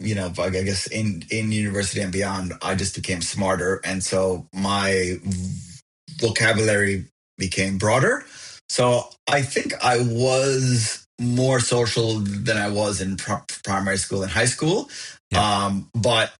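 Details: Adult man who has stuttered since he could talk, with bouncing, sliding or silent blocks, now overt, found a support group at 28; repetitions; stuttering.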